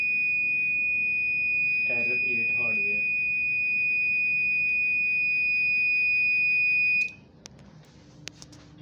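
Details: Infusion pump under repair after a burst capacitor was replaced and burnt circuit traces were fixed. A steady high-pitched alarm tone sounds continuously, then cuts off. Infusion pump hardware alarm.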